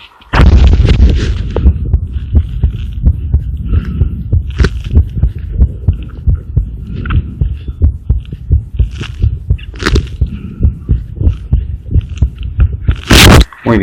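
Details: Regular, fairly quick low thumps of a child's normal heart sounds recorded through a homemade mobile-phone stethoscope made from a stethoscope head and earphones, after lung auscultation with deep breaths.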